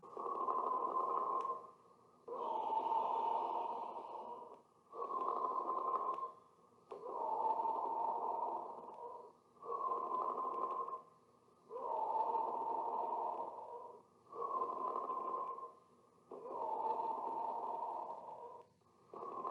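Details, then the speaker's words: Teaching audio sample of a pleural friction rub: a rough, grating, creaking noise with each breath in and out as inflamed pleural layers rub together; occurs in pleurisy, pneumonia, pulmonary embolism, tuberculosis and lung cancer. "But when these pleural layers become inflamed, they rub against each other, causing pain and a grating sound which is known as pleural friction rub."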